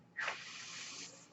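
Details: Real podcast recording in which the speaker explains that the noise heard is his own mechanical ventilator; a steady airy hiss lasting about a second, with no speech, as the ventilator delivers a breath; mechanical ventilator noise.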